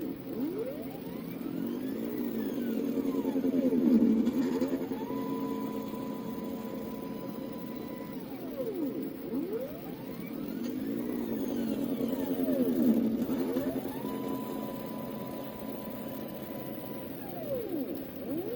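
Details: Motor-driven low-cost DIY ventilator squeezing a manual resuscitation (Ambu) bag, built for COVID-19 patients and also meant as a CPR machine; about half-litre breaths, adjustable 1:1 to 1:4 inspiration:expiration ratio; whining motor rises and falls cyclically, about two cycles in eighteen seconds.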